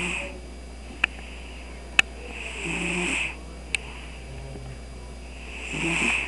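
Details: Cat asleep on a computer desk, giving soft, whistling, nasal snores with a few sharp clicks against a low steady room hum: snoring.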